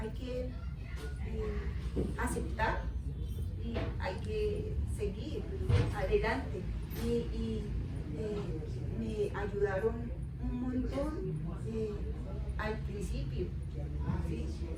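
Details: Adult woman with aphasia after a stroke; aphasia.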